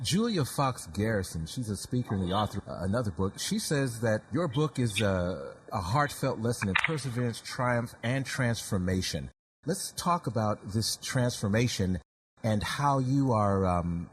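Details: Adult man speaking; normal speech.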